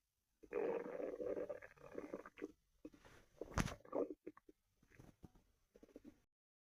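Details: Woman's stomach growl heard by a listener: long gurgling rumble followed by shorter bubbling gurgles; ordinary borborygmi.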